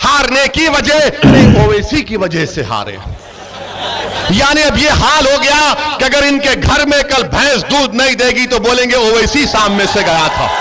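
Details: Adult man speaking; normal voice.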